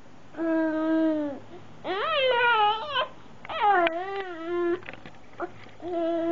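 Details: A 5-month-old infant with repeated tonal crying bursts of rising and falling pitch, separated by brief pauses. Hiccups noted around this time. Infant cry.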